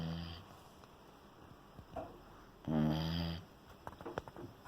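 Soft breathing with one louder, buzzing, rattly inhalation lasting under a second; a puppy's snore in a quiet room.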